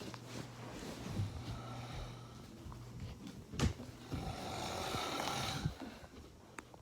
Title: Dad is snoring